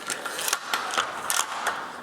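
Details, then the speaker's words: Sharp metallic clicks and ratcheting as a Stiegelmeyer Puro profiling bed's full-length side rail is lifted, slid up and locked in place during a training demonstration; bed side rail locking click. "to use the side rails you simply lift up each end piece this one's already in the up position like slow and then you can slide your side rail and you'll hear the click"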